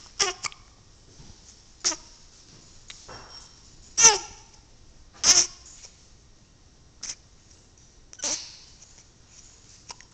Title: with hiccups